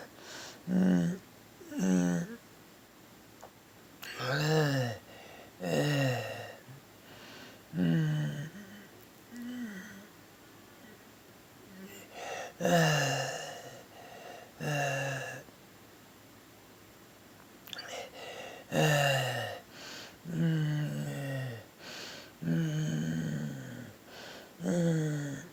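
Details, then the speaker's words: Morning breathing attacks, unable to catch breath, filmed to show doctors: repeated harsh, high-pitched crowing breaths with gasping pauses; stridor from a narrowed upper airway, which the patient describes as hyperventilating. "I can't breathe can't catch my breath what can we do something I can't be like this every day somebody help me"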